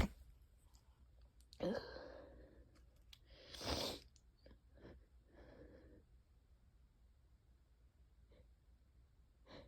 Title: really wet itchy allergy sneezes and a few coughs